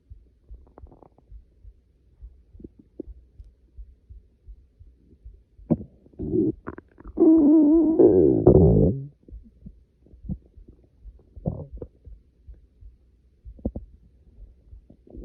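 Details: Quiet gurgles, then a long loud growling rumble lasting a few seconds: hunger stomach growling (borborygmi) on waking, before class.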